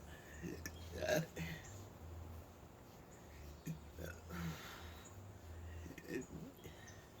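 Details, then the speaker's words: Person with multiple sclerosis during a burping spell, with stomach discomfort and feeling miserable: several low, throaty gulping belches over a quiet room. "gosh. At least this ain't the bad burping. Mm. My stomach. I just feel so miserable."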